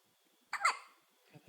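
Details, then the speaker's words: Baby boy with ongoing hiccups: a single brief, abrupt hiccup in a quiet room, followed by soft low sounds. "I see you stop hiccuping. Oh, no, you're still hiccuping."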